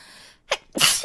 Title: [Hololive] - Sneeze Compilation